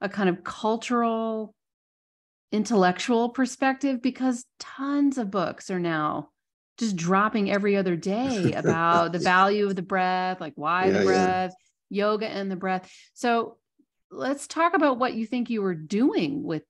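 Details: Adult speaker; normal speech.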